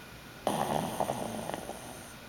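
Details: A pug snoring, with a remark of possible sleep apnea: one short, rough, fluttering, snort-like breath noise.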